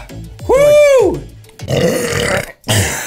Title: BuzzFeed / Try Guys Burp Compilation 2